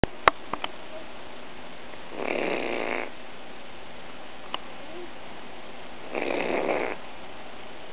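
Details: Pet bird resting on owner: two soft, hissing, raspy breath sounds about four seconds apart with a few faint clicks; snoring-like breathing.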